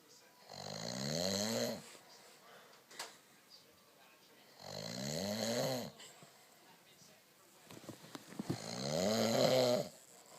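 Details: Adult man snoring after too much wine: three loud, rattling inspiratory snores about four seconds apart, roughly 15 breaths a minute, with quiet exhalations between.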